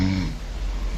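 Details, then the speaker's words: A brief low, rough, buzzing snore from a sleeping adult woman, self-recorded, fading into quiet breathing noise. "that is me snoring that's yes that is and she recorded it herself"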